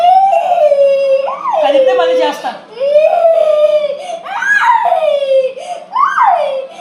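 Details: Young boy crying during a blood test (finger prick): loud, high-pitched wailing in repeated bursts with sobbing breaths, distressed.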